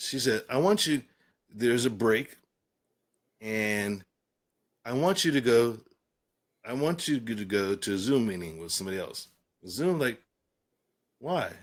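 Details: Adult man with aphasia following a stroke, speaking in conversation.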